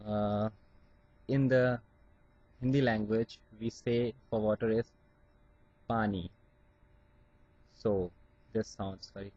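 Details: Adult man from India who stammers, with blocks on some words, working on his speech through acceptance of his stammer; stuttering.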